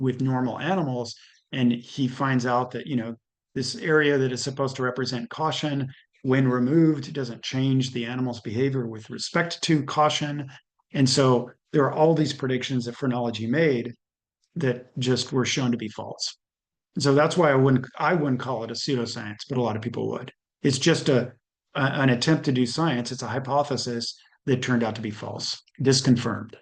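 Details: Adult male speaker; normal speech.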